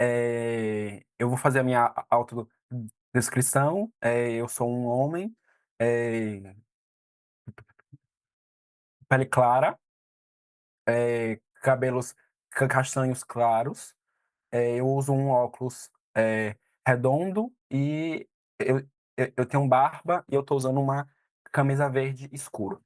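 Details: 22-year-old Brazilian man, a psychology student who has stuttered since age 3 or 4, speaking Portuguese in a presentation; stuttering.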